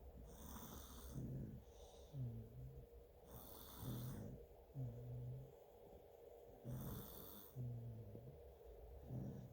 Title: Twin snores